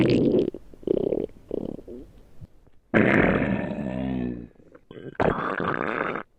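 Several gurgling, rumbling bursts of varying pitch, some long and drawn out, from the belly: ordinary stomach growling (borborygmi).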